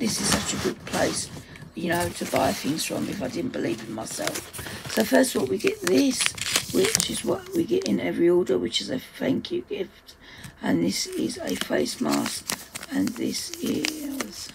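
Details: Adult woman whose dysphonia, she says, is playing up; dysphonia.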